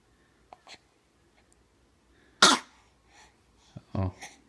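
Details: Pet giving an attention-seeking cough: a few brief, soft coughs, one sharp burst, then a short throaty cough.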